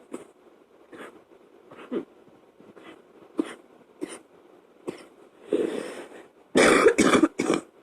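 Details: Adult with a chest cold coughing at night, woken from sleep by a choking coughing fit; a fan blows in the background.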